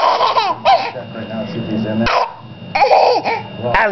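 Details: Baby girl laughing very hard and babbling, with hiccups: several abrupt, brief catches breaking into the laughter.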